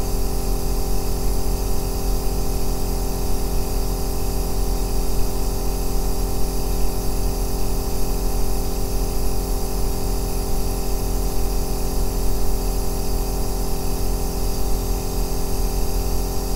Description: ASMR 2 Hours of Aerosol Nebulizer Sound | O Melhor Ruído Branco para Dormir e Relaxar